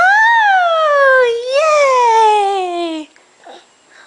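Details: A young child in a March 2009 home video, being coaxed to pretend to sneeze, gives one sustained, high-pitched wailing cry of about three seconds that falls in pitch, then quiet room sounds; infant crying.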